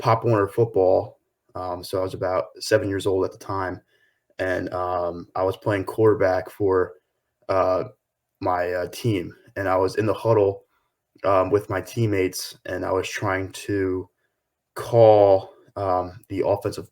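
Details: 23-year-old man with lifelong stuttering, struggled from early school days through high school and still battles it daily; real adult stuttering.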